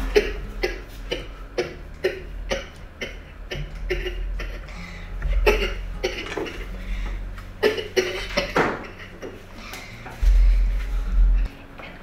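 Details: 8-year-old girl with Tourette Plus (ASD, OCD and ADHD features): repeated short, dry coughs and throat-clearing grunts with brief hums, typical of vocal tics.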